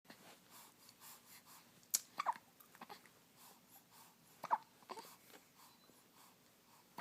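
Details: Baby's first hiccups: quiet breathing broken by a few sharp, sudden hiccup catches, a couple of them louder, in a small quiet room.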